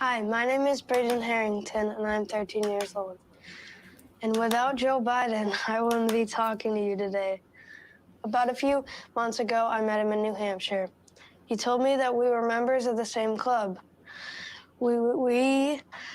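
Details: 13-year-old boy who has a stutter, giving a prepared speech. Stuttering.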